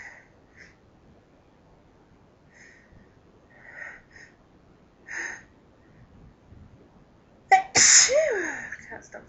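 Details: Self-recorded sneezing bout in a quiet room: a few soft, half-stifled sneezes, then one loud full sneeze; ordinary repeated sneezes.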